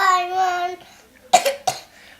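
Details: A child singing Twinkle, Twinkle Little Star before bed holds a sustained note, pauses, then gives two short dry-sounding coughs.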